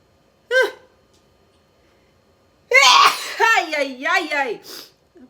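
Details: Compilation of people unexpectedly sneezing during Covid-19 nasal swab tests, including self-swabs: one short, sharp sneeze triggered by the swab, then a pause and loud voiced exclamations.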